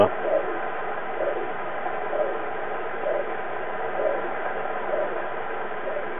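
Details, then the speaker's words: Doppler heart monitor on a pregnant female boa constrictor due to give birth soon: soft, regular whooshing fetal heartbeats over steady hiss, about 60 a minute, coming and going from very small hearts. "Heartbeats. Can hear it. Pretty cool, huh?"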